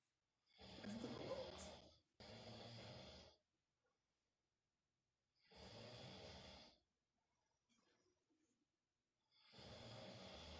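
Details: Long, loud, rough snores on the in-breath with quiet pauses between, from a man sleeping in a small room while being pranked; heavy snoring.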